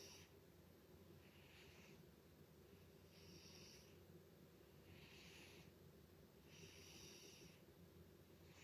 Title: Cat Snores Loudly